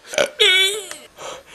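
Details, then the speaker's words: After drinking a whole bottle of Coca-Cola and holding it in for 14 minutes, a loud, drawn-out voiced belch of about half a second with shorter belches around it; he can't stop, says his stomach is so loaded; burping. "it has now been 14 minutes since I've drank a whole bottle of Coke without burping and now it's just coming out wo that was weird I can't stop make it stop"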